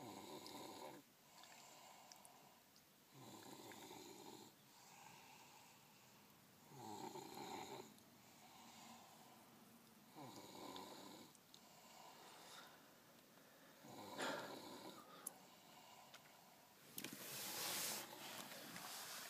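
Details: Snoring: soft, rough snores on breaths in at about 17 a minute, somewhat irregular, with some room noise.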